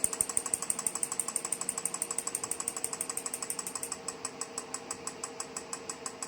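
Rapid, regular clicking pulses at about 180 a minute, softening partway through, from a magnetic stimulation therapy device running.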